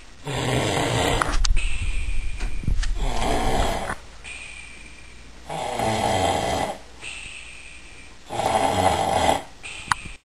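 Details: A sleeping person snoring: loud, rough snores with breathy hissing gaps between them, likened to a blowoff valve, in a quiet room; heavy snoring.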